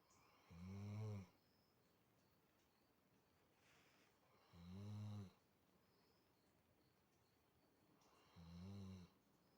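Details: Dog snoring softly, with low fluttering sounds on each in-breath, about fifteen a minute: snoring.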